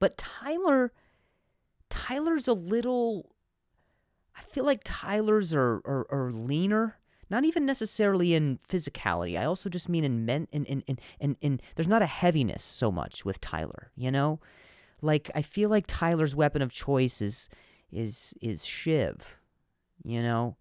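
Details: Real stuttering in an adult male comedian speaking naturally while hosting his own podcast; he says some words are hard for him to say.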